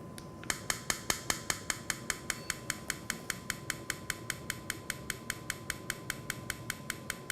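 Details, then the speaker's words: Acoustic rhinometer in the nasal passage during sleep apnea screening of a patient breathing normally; sharp, evenly spaced clicks about 150 a minute. "ok I'm going to hear a little clicking sound I just want you to breathe normally"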